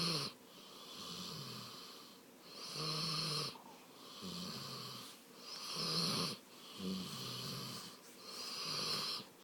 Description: Sometimes my dog snores while she's awake. It's adorable.